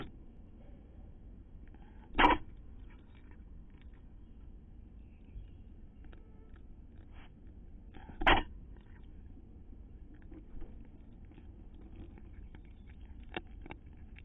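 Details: A street cat on a livestream gives two short, sharp sneezes about six seconds apart against quiet indoor background noise.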